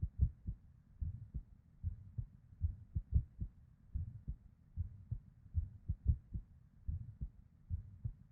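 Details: Irregular heartbeat in a female with PVCs/ectopic beats and a murmur (blood flow): muffled paired heart sounds with uneven spacing, some beats early, and soft whooshing between beats.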